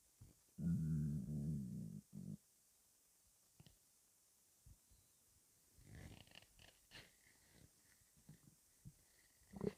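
Low gurgling rumbles and brief bubbling squelches separated by quiet gaps; ordinary bowel sounds of stomach rumbling.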